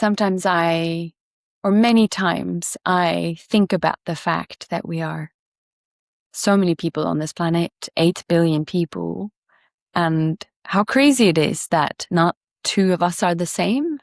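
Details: Adult man speaking; normal speech.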